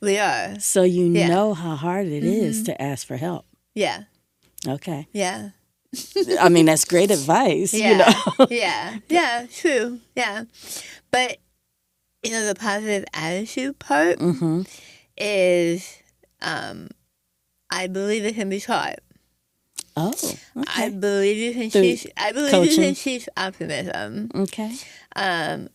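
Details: Adult woman with stage 4 right-sided tongue squamous cell carcinoma diagnosed December 2021, treated with removal of over half her tongue, arm skin flap reconstruction, neck dissection, tracheotomy, radiation, chemotherapy and speech therapy; altered articulation after partial glossectomy.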